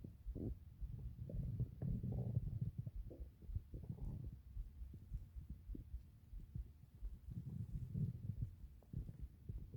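Quiet, continuous low gurgling and rumbling with irregular surges, typical of ordinary stomach growling from moving gut contents.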